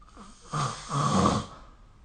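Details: Snoring recorded with the SnoreLab app: two harsh, rattling breath sounds in quick succession, a short one then a longer one, with quiet room noise between.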